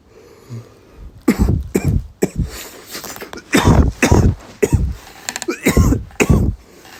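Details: Coughing fit after taking a big hit (a "rip"): after a deep inhalation, about eight harsh, forceful coughs in irregular bursts, some with a raspy throat-clearing quality.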